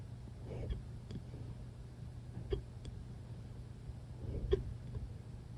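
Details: Hiccups: soft, brief hic sounds recurring irregularly about every two seconds over a low steady hum.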